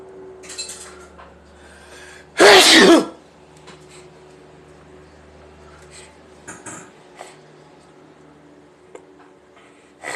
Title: Living Room Sneeze